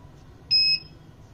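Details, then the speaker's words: Single short, high electronic beep over faint room noise as a Medinza SM-300 1 and 3 MHz physiotherapy ultrasound therapy unit is switched on; device power-on beep. "it has been 27 program along with the manual program switch on the machine"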